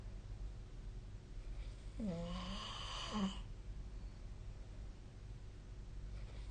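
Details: Single buzzing, tonal snore about a second long on one breath during sleep, against a quiet room with steady low hum: snoring.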